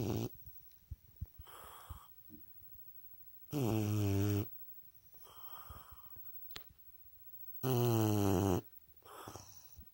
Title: Princess the bulldog snores like a grown ass man